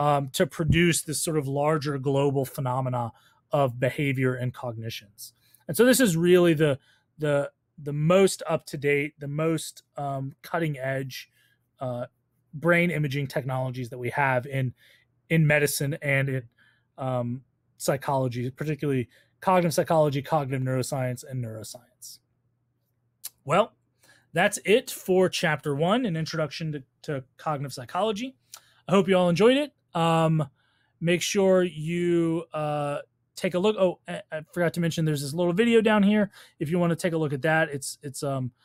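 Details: Adult speaker; ordinary speech.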